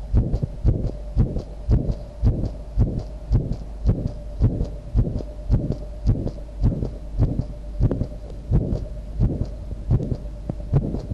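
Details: Visible heartbeat recorded with sound: regular low thumps about 110 a minute, somewhat fast, steady background hum; person felt their heart was about to stop; low-quality recording.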